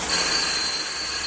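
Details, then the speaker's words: Tinnitus simulation played through a speaker during a talk on hearing-aid therapy for tinnitus and deafness: a steady high-pitched whistle over faint room hiss, the typical whistling tone of tinnitus. "vediamo che il volume non sia troppo alto abbiamo sentito un fischio tipico"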